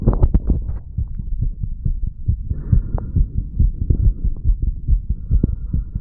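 Low, fast thudding heartbeat, roughly 70 beats a minute counted as paired sounds, over a steady low hum.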